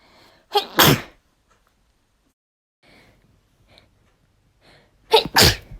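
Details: Two natural sneezes from a female, each a quick breath in then a sharp explosive burst, with quiet breathing between; sneezing.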